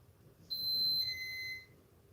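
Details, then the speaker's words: Feeding pump left running on a counter, not turned off: brief high-pitched electronic beep pair in a quiet room; feeding pump alarm. "left the room and something's beep and hold on they left Luke's feed pump on the counter and didn't turn it off"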